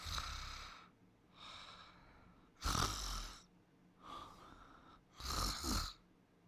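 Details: Sleeping and snoring: noisy sleep breathing, about 23 breaths a minute, with soft snoring and louder raspy snorts on some breaths.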